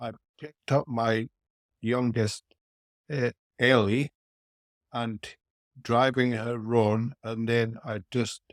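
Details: Aphasia after a haemorrhagic stroke at age 49 in a male businessman, about four years earlier; speech impairment persists and varies from day to day.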